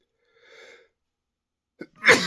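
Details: A faint wheezy intake breath, a short catch, then one sharp explosive sneeze; a normal sneeze.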